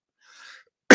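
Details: During a live talk, an adult man who is losing his voice gives a faint breathy intake, then a sudden loud, explosive burst that is cut off: a sneeze.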